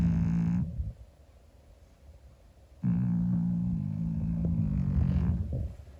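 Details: A 25-year-old calico cat snoring loudly while asleep: low, buzzing snores, a brief snore, a quiet pause, then a longer rattling snore on the next breath.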